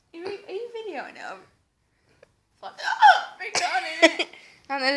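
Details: Sudden, sharp catches breaking up speech and giggling, possibly hiccups, while the person is being filmed and asked whether they have gone yet.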